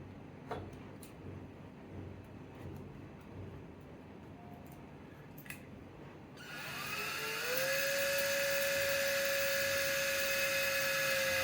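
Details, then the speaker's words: Power drill with a 3.2 mm bit drilling a cortical screw hole through both cortices of a humerus shaft model, for LCDCP plating of a shaft fracture: small clicks, then a steady high whining drill motor. "Drill అనేది first cortex నుంచి second cortex వరకు బయటికి వెళ్ళేటట్టు drill చేసుకోవాలండి."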